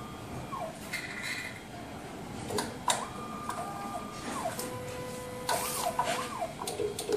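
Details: MSLAB07 automated blood analyzer running background check after pressing sample test: whirring motors rising and falling in pitch between mechanical clicks and clunks; normal operating noise.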